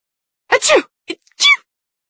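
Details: Sneeze recorded on a Google Pixel 4a: single sharp sneeze with quick in-breath, explosive burst and brief softer aftersound in a quiet room.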